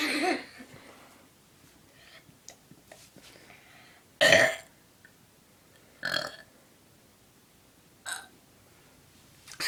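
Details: Deliberate burping on camera: four loud burps a few seconds apart in a quiet room, with faint talk between.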